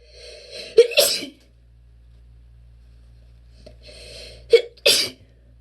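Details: Strong sneezes with attempted holdbacks from a person with relentless allergies: two forceful sneezes, each with an audible indrawn breath before a sharp explosive burst, separated by a quiet pause.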